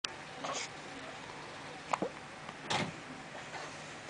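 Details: Baby with hiccups: about three brief, abrupt hiccup catches over four seconds against quiet room noise.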